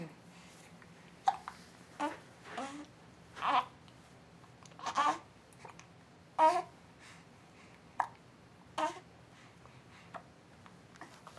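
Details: A 4-month-old infant: soft babbling mixed with brief sharp catches in the breath; hiccups.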